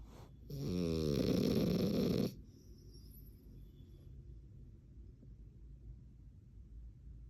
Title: #my 4 mnths frenchie snoring 😄